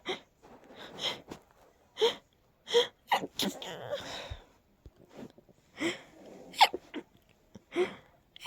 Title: Hold backs to a stifled sneezing fit 🤧